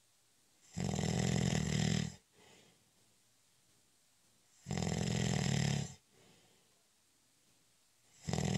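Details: Snoring during a short, light nap (cat nap): loud, rough snores on each breath in, about 17 a minute, with quiet exhalations between, in a quiet room.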